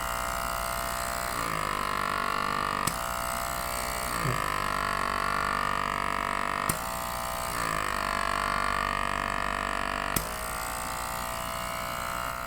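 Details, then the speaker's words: GLOWY NA-A001 electric nasal aspirator, silicone cone removed, suctioning against a hand to show strength: steady motor whir with shifting suction tone and a few sharp clicks. "และคราวนี้เรามาดูแรงดูดกันบ้างกรณีว่าเราถอดกรวยซิลิโคนออกนะครับแล้วก็เอาตัวนี้มาดูดมือนะครับตัวนี้ก็ดูดแรงอยู่นะครับผมนะฮะ"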